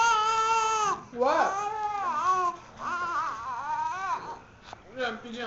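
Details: An infant during burping cries in repeated wailing bursts with short pauses for breath, in a small indoor room.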